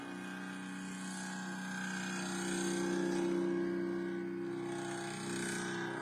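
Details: Stepper motor (A4988 driver) running in a homemade Arduino and ESP8266 smart syringe infusion pump with a Nextion display: a steady mechanical whine with faint rapid stepping pulses, rising and falling slightly.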